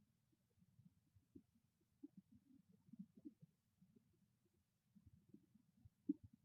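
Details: Quiet low gurgles and rumbles scattered through the recording from a hungry stomach; borborygmi.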